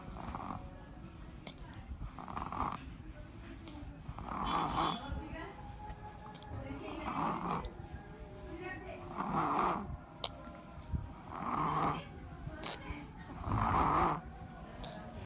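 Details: Loud, regular snoring in a sleeping female, about 28 breaths a minute, each breath a rough rattling snore, with faint background noise.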